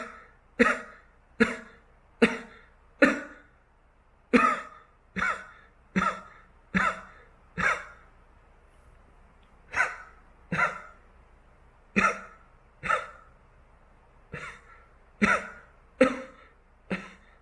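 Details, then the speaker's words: Person making about eighteen short, sharp, deliberate coughs in loose clusters, done on purpose to make a cat react with tail movements; voluntary cough, not from illness. "소위는 다른 고양이들과 다르게 사람의 기침 소리에 반응하는 성실히 있습니다"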